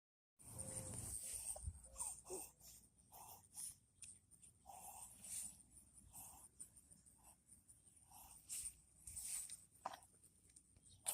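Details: A Chihuahua makes repeated quick snorting inward pulls of air during an occasional, not daily, reverse sneezing episode.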